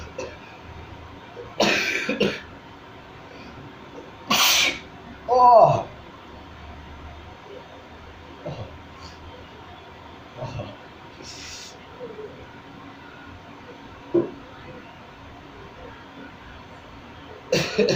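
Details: Self-provoked sneezes, triggered deliberately with a small stick, sounding like ordinary sneezes; a few brief sneezes among quiet breaths, sniffs and room noise: sneeze.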